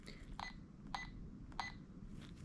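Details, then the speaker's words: Three short electronic beeps from keypad presses on a Sigma Spectrum IV infusion pump as letters of the fluid name (IV) are typed during programming, with quiet room noise. "it's asking us to type the first two letters of the drug name or type the first letter and press ok so this is a prime so we have to type iv so"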